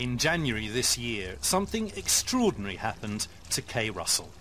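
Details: Adult female narrator; ordinary fluent speech.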